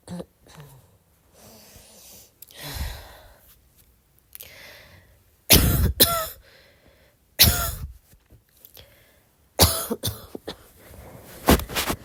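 Soft breathy throat sounds, then about five short sharp coughs in a quiet room; a plain cough.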